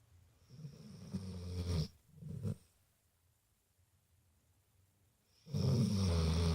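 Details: A sleeping animal snoring: low, rattling snores on the in-breath, two bursts, then a long quiet pause before another loud snore.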